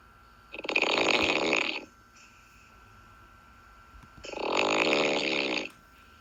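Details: Adult asleep: two loud, harsh rattling snores with a quiet pause between, faint steady hum in background; snoring.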